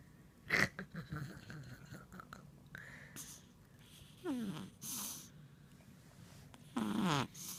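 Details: Irregular snorting and whistling breath noises, some rising squeaky tones, with quiet gaps between; snoring.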